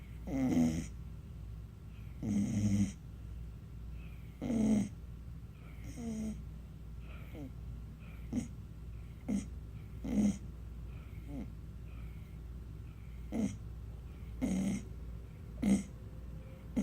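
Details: Dog snoring until she wakes herself up: short, uneven snorting snores, about 12 in 17 seconds, over steady room hum.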